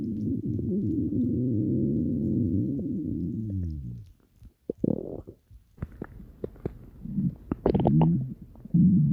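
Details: Long low gurgling rumble with shifting pitch, then scattered bubbling pops and squelches; ordinary stomach growling from gas and fluid moving through the gut; borborygmi.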